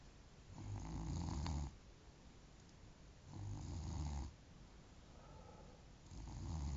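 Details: A friend snoring on Christmas Day: loud, low, rumbling snores on each breath in, about three in under seven seconds, roughly 23 breaths a minute; snoring.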